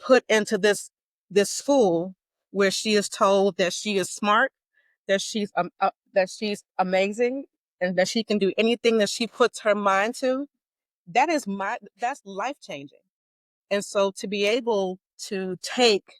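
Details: Stuttering in an adult woman with a lifelong stutter she describes as mild to moderate; formerly covert, openly stuttering since 2018.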